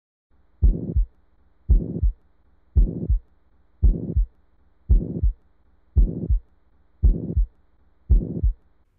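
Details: Simulated heart sounds of a ventricular septal defect: a harsh pansystolic murmur filling each systole at about 56 beats a minute. The loud murmur tends to drown out S1 and S2.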